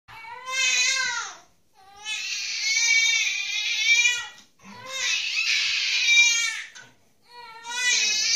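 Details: Baby girl crying with long, loud, high-pitched wails in repeated bursts and breath pauses between them, while a golden retriever/vizsla dog sings to her to stop her crying; ordinary infant crying.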